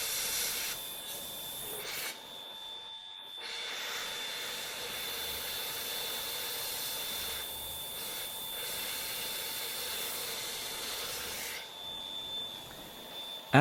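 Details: Steady high-pitched whine with a grinding hiss from a dental drill shaping a phantom tooth surface during classic veneer preparation.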